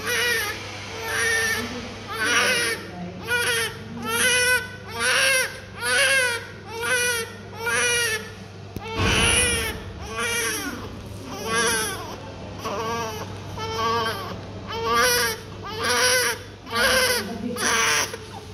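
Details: Strong, rhythmic crying, about one cry a second, loud and clear-toned, with a steady background hum; a normal cry from a healthy newborn whose eyes are not yet open.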